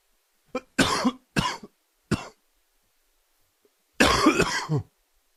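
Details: Cough from a summer cold: five harsh coughs, a quick burst of four, a pause, then one longer cough.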